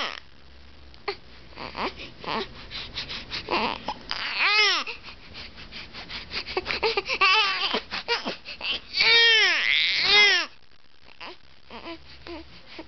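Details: Infant crying in repeated wailing bursts with fussing and whimpers between them, in a small room.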